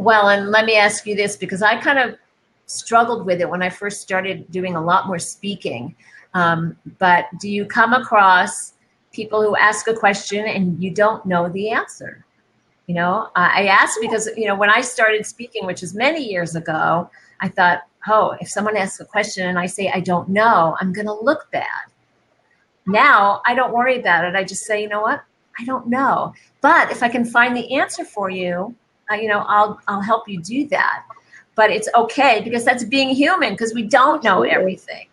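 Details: Adult woman speaking; normal speech.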